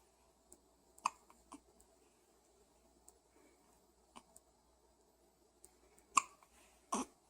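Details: Quiet room with several short, sharp hiccup catches at irregular intervals, the last two louder; hiccups.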